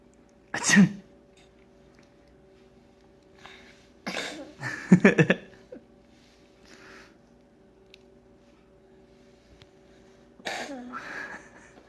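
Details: A few sharp bursts of faked sneezing separated by quiet gaps in a quiet room; a simulated sneeze.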